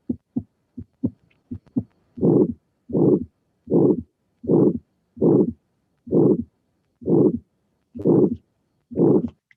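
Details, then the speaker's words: Teaching recording of severe aortic stenosis: loud, harsh systolic murmur each beat at about 70 a minute, with maximum intensity toward the end of systole, indicating severe stenosis. "So this is a very typical finding. We have a murmur with maximum intensity through the end. So it means that the stenosis is important, is severe."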